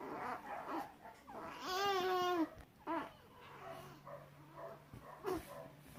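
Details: Newborn girl's frequent stretching episodes with sound, first feared to be seizures but found normal: brief strained grunts and squeaky vocal sounds, faint background music.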